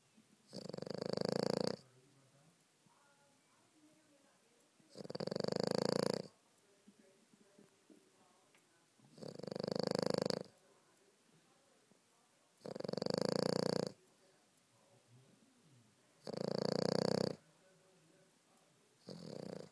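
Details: French Bulldog snoring while sleeping: loud, rhythmic snores about every four seconds, roughly 15 a minute, with quiet pauses between.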